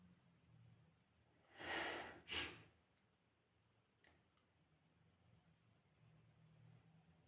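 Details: Strong sneezing: two quick, forceful bursts of air through the nose in a row, then quiet breathing.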